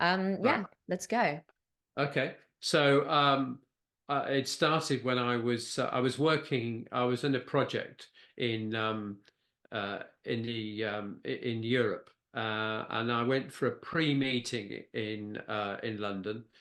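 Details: Post-stroke aphasia with word-finding difficulty in a man who had a stroke at age 69, a bleed affecting Broca's area.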